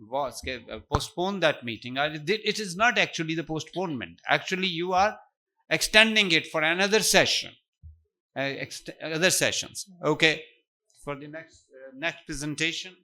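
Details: Adult man speaking; Normal speech.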